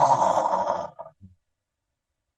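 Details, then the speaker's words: Imitation of obstructive sleep apnoea: a snort-like snore fades into over a second of silence, a breathing pause from a totally blocked airway while snoring. "Nah ketika dia nggak ada suara apa-apa itu dia nggak apa-apa jadi dia berhenti bernafas karena Jalan nafasnya itu betul-betul total tersumbat"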